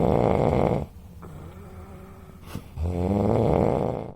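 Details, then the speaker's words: Adult sleeping at home, snoring loudly: two long, loud, rough snores separated by a quiet pause. "তারপরে এই যে ঘুমাচ্ছে আর কি জোরে জোরে নাক ডাকছে তো দেখো নাক ডাকাটা একটু তোমাদেরকে শোনাচ্ছি"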